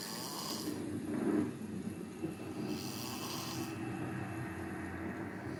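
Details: Low rough rattling snore on a breath over steady background hum, a person snoring during sleep.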